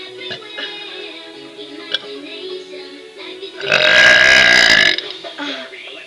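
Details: A long, loud burp of about one second, with music and talking in the background.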